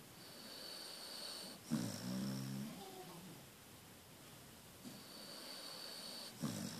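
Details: Low rattling snore on inhalation, then quiet exhalation, with a second breath starting at the end; about two breaths in seven seconds; snoring.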